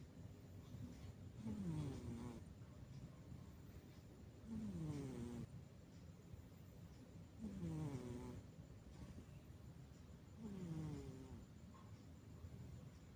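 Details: A sleeping cat snoring softly and regularly with a falling tone on each breath, about 20 breaths a minute, over steady room noise.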